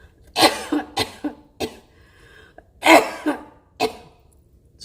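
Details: Adult with idiopathic intracranial hypertension (IIH) and a VA shunt, whose left vocal cord was paralysed after being nicked in surgery, in worsening coughing attacks: two bursts of about seven harsh, throaty coughs.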